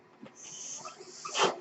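Faint steady hiss building to a short breathy whoosh of air near the end; the sound of a mechanical ventilator delivering a breath.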